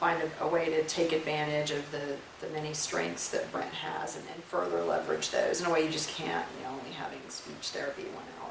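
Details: Adult woman speaking; normal fluent speech.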